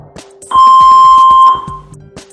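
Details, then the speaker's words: A SaverOne semi-automatic AED switched on after the rescuer shaves the chest and opens the electrode pack: one loud, steady electronic beep of about a second, with handling clicks, confirming power-on before the voice prompts to place the pads. "a beep will confirm its switched on"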